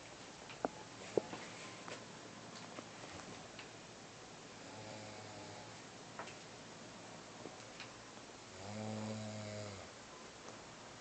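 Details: Person snoring like a bear: low, rattling snores during breathing in, with quiet room background; loud snoring.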